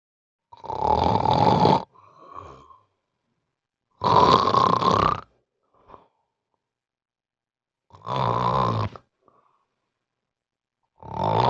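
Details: Very loud, harsh snores about every four seconds, each followed by a soft snort, in a person with severe obstructive sleep apnea; loud snoring in OSA.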